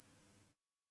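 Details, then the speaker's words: Simulated tinnitus: an adult man plays old analog TV static he says probably matches his own tinnitus, a very quiet burst of hissing static then a faint steady high-pitched whine. "but old tvs like analog tvs used to make like a sort of a a static sound i actually managed to find it on youtube uh but it's not very long uh and it actually probably is spot on of what my tinnitus sounds like"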